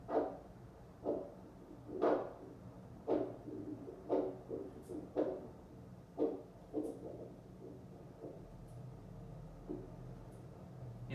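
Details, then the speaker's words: Doppler ultrasound over the marked radial pulse of a woman lying supine while an upper-arm blood flow restriction cuff inflates: whooshing pulse near 58 a minute fades out, giving limb occlusion pressure of 110 mmHg. "there I lose the pulse that tells me that's her limb occlusion pressure which is a hundred and ten millimeters of mercury"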